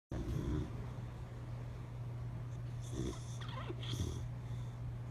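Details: Sleeping Boxer dog, eyes open, snoring: low steady rumbling with snorting breaths; snoring.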